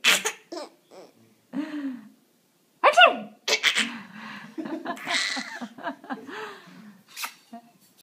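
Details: Person sneezing for Clara, who enjoys it: sharp, explosive sneezes mixed with voiced laughter and breathy sounds.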